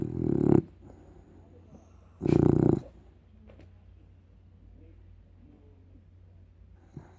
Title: OBBLIX OUR PUG SHARPY CROSS SNORING.